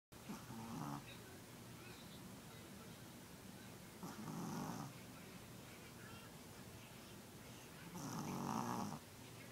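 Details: Sleeping pet dog snoring: soft rhythmic snoring, roughly 15 breaths a minute, low fluttering on each breath over steady room noise.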